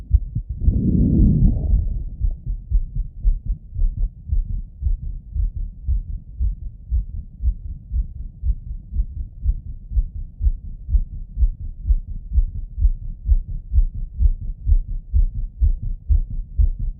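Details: Male, self-auscultation with a stethoscope after a workout set: strong, fast, regular lub-dub at about 120 beats a minute with an opening rustle; rapid heartbeat after exercise.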